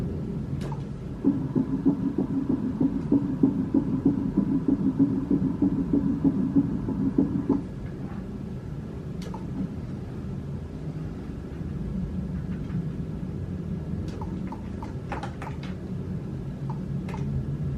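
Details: Rapid, regular whooshing pulses of an early fetal heartbeat, about 190 beats a minute, heard on ultrasound early in a fifth pregnancy.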